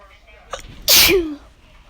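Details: Person who thinks they caught a cold, sneezing and coughing: a short in-breath then one loud explosive sneeze.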